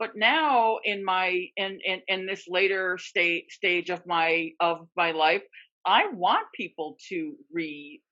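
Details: Real stuttering in a man who describes himself as a person who stutters, speaking as a webinar co-host; repetitions and filler interjections are heard; stuttering.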